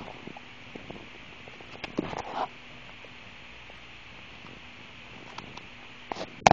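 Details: Brief gurgling stomach rumbles over a quiet background hiss after drinking soda; ordinary bowel sounds (borborygmi).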